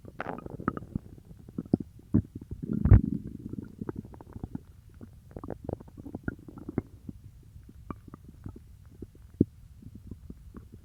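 Irregular gurgling, bubbling and clicking sounds from the belly, with a louder rumbling burst near the start; ordinary stomach growling (borborygmi) after eating.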